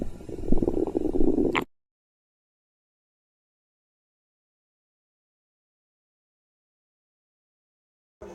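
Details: Stomach growling: a low, gurgling rumble with quick pulsing lasting about a second and a half, then near silence.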